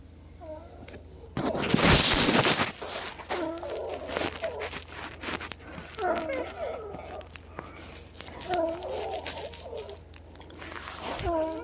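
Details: Female patient with recurrent wheezing after a Pulmicort and DuoNeb nebulizer treatment that may have been inadequate; musical, whistling breath sounds recur every few seconds; wheezing sounds awful.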